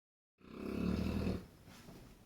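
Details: Six-month-old puppy snoring, said to sound like a grown man: one loud, deep, rattling snore on an in-breath, then quiet breathing.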